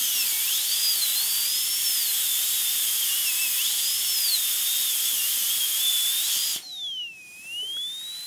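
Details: Dental high-speed drill making an occlusal guide cut toward the mesial marginal ridge of upper molar tooth #3, full zirconia crown prep: high-pitched whine rising and falling in pitch as it cuts, then winding down.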